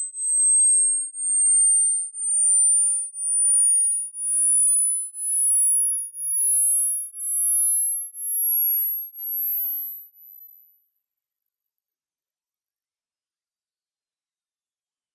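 A pure high-pitched tone rising steadily toward the top of hearing range, pulsing about once a second; a sweep tone for checking hearing.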